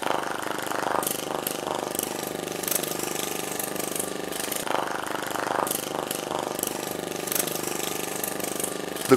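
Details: Continuous rattling buzz with uneven pulsing from an extracorporeal shockwave therapy (ESWT) applicator during a heel spur (plantar fasciitis) treatment session.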